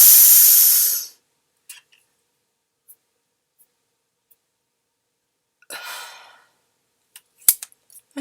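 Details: Loud airy rush of breath drawn in for about a second, then quiet and a softer exhale: a person with asthma inhaling a single-dose steroid-based dry powder inhaler after clicking it open to puncture the dose.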